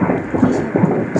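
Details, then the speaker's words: Fetal heartbeat on Doppler during ultrasound at about 7 months (28 weeks) pregnancy, fetus about 1.119 kg, head down low in abdomen: rhythmic whooshing pulses at 135 beats per minute, normal fetal heart rate. "এটা হচ্ছে বাচ্চার যে heartbeat আছে না ওই হার্টবিটের শব্দ ঠিক আছে হৃদয় স্পন্দন বলি না আমরা ওই হার্টবিট এটাও ভালো আছে 135 ঠিক আছে"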